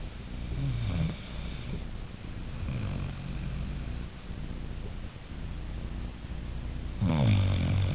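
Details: Low, rumbling, human-like snores with rough vibration on breathing, ending in a louder snort, over steady background noise.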